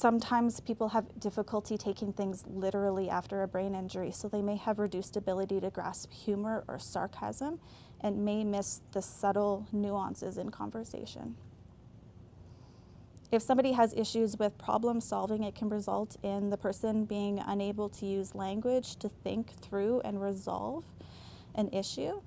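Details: Adult woman speaking; normal speech.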